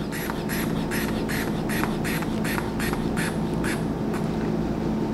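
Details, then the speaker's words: About ten rhythmic squeaky puffs of the hand bulb inflating a regular-size manual blood pressure cuff to 180–200 mmHg, stethoscope diaphragm over the brachial pulse, before slow release; reading obtained 120/70 mmHg. "Okay, introduce lang po kayo ng air hanggang 200 or 180 to 200."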